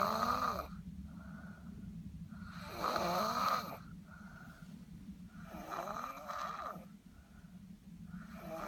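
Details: Snoring from a person, recorded for a doctor: loud rattling snores on each in-breath, about three in nine seconds, with quieter breathing between.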